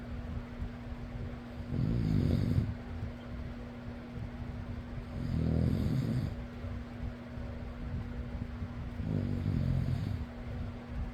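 Three low rumbling snores, about one every three and a half seconds, over a steady fan hum; ordinary snoring.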